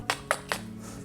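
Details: Three quick, sharp tapping or clicking sounds in rapid succession from an adult diagnosed with Tourette syndrome in adulthood: tic burst.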